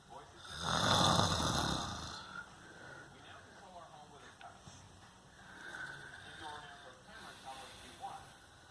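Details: Father filmed snoring: one loud, rough snore on an in-breath, followed by quieter breathing noise and faint room sounds.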